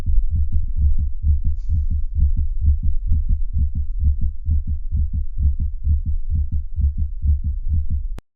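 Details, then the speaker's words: Heart sound simulator: rapid regular heart sounds with an intermittent soft late-diastolic sound just before S1, an S4 (atrial) gallop that comes and goes, associated with feline hypertrophic cardiomyopathy. "and an atro gallop or s4 gallop is often associated with hypertrophic cardiomyopathy in cats we'll start by listening to an s4 sound that comes and goes"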